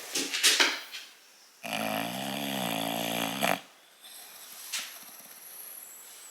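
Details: English Bulldog awake and relaxing, not asleep: loud, rattling, buzzing noisy breath lasting about two seconds, with softer snuffly breathing around it; heavy snoring-type dog snore.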